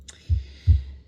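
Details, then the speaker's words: Normal heart sounds from a SAM teaching mannequin simulator heard via stethoscope: two soft, low thumps about 0.4 seconds apart, a single lub-dub. "So there are 4 different heart sounds. It starts with the normal heart sounds and then goes to the extra heart sounds and also murmurs."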